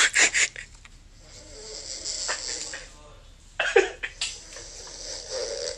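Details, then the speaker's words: Woman asleep in bed, self-recorded by her bed partner, who calls her snoring terrible: breathy, rasping sleep breaths with a soft rattling texture between loud handling knocks; snoring. "have a girl in my bed has just not stopped snoring worst song ever how bad is your snoring"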